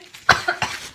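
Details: Acted cough in a staged prank about coughing up blood: two or three short, harsh cough bursts in a small room; simulated, not real illness.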